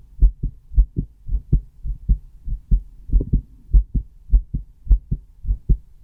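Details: Own heartbeat recorded with a newly bought stethoscope: steady paired lub-dub sounds at about 100 beats a minute, a normal heartbeat.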